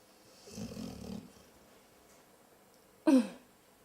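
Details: Dog lying awake with eyes still open: a low rattling snore on one breath, followed by a short sharp snort.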